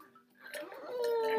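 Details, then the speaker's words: Soft gurgling building into a squeaky, whistling rush of air escaping as an uncomfortable infant's gastrostomy feeding tube is opened with a large syringe attached to vent trapped air from his tummy. "Oh yeah, he's got some air in there. It like makes little burpy noises."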